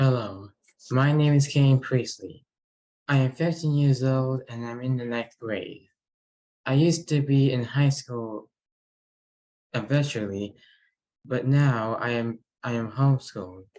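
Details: 15-year-old ninth grader who stutters, with word repetition; finding: stuttering.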